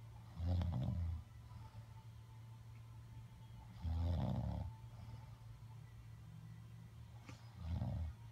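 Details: Grandmother asleep: deep, rattling snores on each breath, about 17 a minute, with a steady low hum in the room; snoring.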